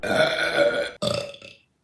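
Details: Two loud, drawn-out, throaty belches in quick succession, the second fading off, from a burping compilation: burping.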